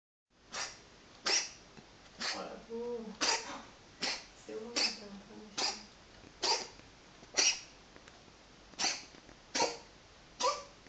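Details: Cat with recurrent coughing fits: a run of about twelve dry, harsh cough bursts with short gasping breaths between them.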